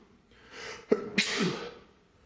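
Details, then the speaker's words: Adult man with cat allergy (Persian cat in the house; unsure what triggered it) in a sneezing fit: sharp inhalation then forceful voiced sneeze with trailing exhale; allergic sneezing. "Oh my gosh, I don't know what in the world that I came in contact with today, but it has tickled my nose something fierce. And yeah, I just can't stop sneezing."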